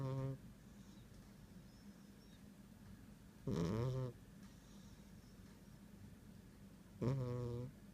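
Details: Loud rumbling snores with a rising tonal buzz every three to four seconds between quiet pauses, from a sleeping female cat.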